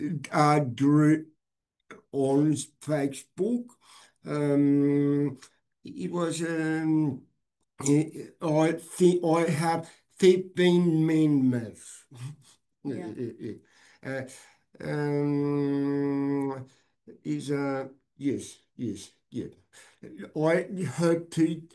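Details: Adult man with aphasia after a stroke 6 years earlier, hospitalized 6 months, reporting difficulty speaking and not reading since; aphasia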